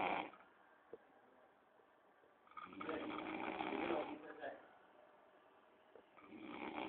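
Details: Two noisy, rattling snores during sleep, about four seconds apart, with quiet room noise between them; snoring.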